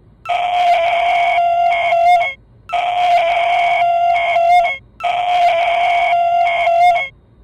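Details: Diplophonia with scratchy quality from two simultaneous pitches (F5 and C6); swellings touching mid-cord split the vocal cord into two vibrating segments of different lengths.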